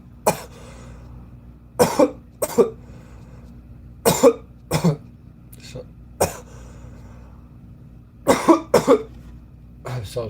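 An adult gives about ten short, sharp coughs in small clusters over a steady low room hum.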